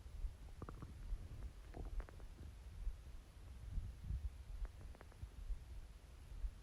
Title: Watery stomach growls￼